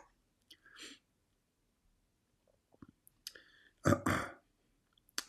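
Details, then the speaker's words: Adult man coughs while speaking on a livestream, saying fluid from his illness is not totally gone yet. "still my fluid is not totally gone. You can hear my cough, right?"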